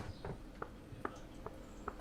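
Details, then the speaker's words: Adult woman's jaw clicking, long-standing severe temporomandibular joint disorder (she suspects something beyond TMJ): four sharp, evenly spaced clicks with jaw movement. "can you hear my jaw click I've had really bad TMJ for a long time like I think it's beyond TMJ it's probably something else"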